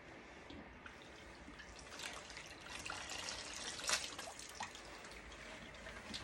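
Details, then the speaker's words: Water flushed with a syringe through the internal lumen of a heavily soiled surgical instrument after lumen brushing, in a simulated decontamination demonstration: quiet trickling, dripping and small splashes; instrument lumen flushing. "And I also have a syringe that I'm going to use. That is also recommended to flush the"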